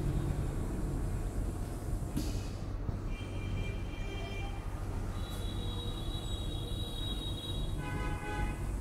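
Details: Yuwell 7F-3E oxygen concentrator (3 litres per minute) running: steady low mechanical hum and rumble with brief faint high tones over it.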